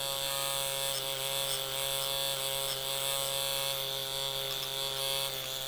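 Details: Steady high-pitched whine with fine rapid buzz: a microneedling pen passed horizontally, vertically and diagonally over a patient's facial wrinkles and expression lines, producing slight bleeding.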